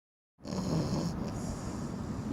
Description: Snoring Stella extremely exhausted from rock hopping at the river.